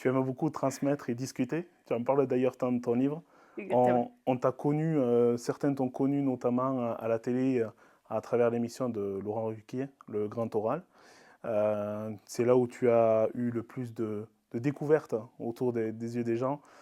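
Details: Adult man; typical speech.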